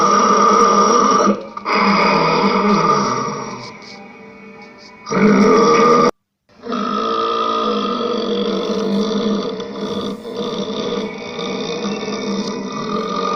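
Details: Loud burping in a comedy clip: long, drawn-out, rumbling belches with short pauses between them, played over background music.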